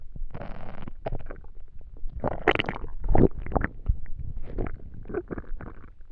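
Irregular low gurgles, squelches and rumbling bursts from the belly, coming in clusters with brief pauses: active bowel sounds of normal digestion.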